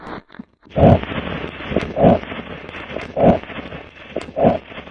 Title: Звуки при аускультации сердца 🧡